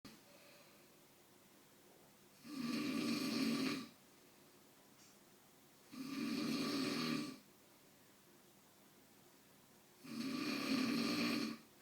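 Three long, rough, rattling snores on the breath in, roughly 16 breaths a minute, with quiet pauses between.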